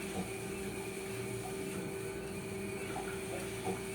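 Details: Steady mechanical whir with a faint tone and soft fluid sounds from a dialysis machine's blood pump priming the bloodlines with a training dialyzer during machine setup.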